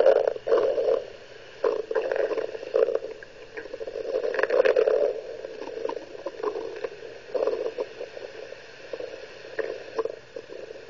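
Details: Bowel sounds recorded with an ultrasound device on the abdomen of an 11-year-old girl: irregular bubbling and squelching gurgles, ordinary active stomach gurgling.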